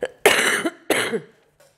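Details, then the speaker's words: Adult with a cold: two loud, harsh coughs after a brief short lead-in sound in a quiet room, described as sounding like a heavy smoker's cough; cough. "And I'm going to apologise about this cough. It sounds like I'm a 40-a-day smoker. I can assure you I'm not. It's just that I'm still rocking the cold."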